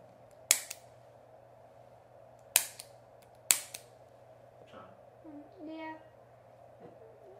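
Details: Three sharp snapping clicks a second or two apart from a spring-loaded chiropractic activator adjusting instrument, used at the ankles of a young child athlete on his third adjustment of the day, then faint voices in a quiet room.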